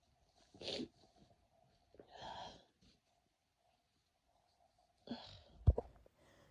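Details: Person with a cold, congested and feeling it starting to move to the chest: three soft sneezes with brief breaths between them in a quiet room.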